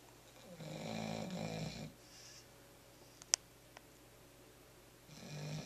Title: Snoring pup.